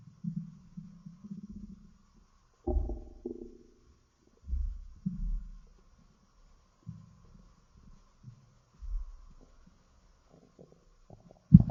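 Low, gurgling rumbles come in irregular bursts with quiet gaps between them: ordinary stomach growling, or bowel sounds.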